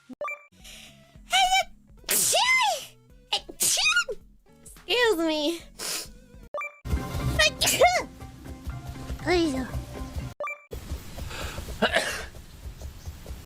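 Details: Compilation of VTuber streamers' sneezes: a run of about seven or eight sharp, voiced sneezes from different people, with music playing underneath.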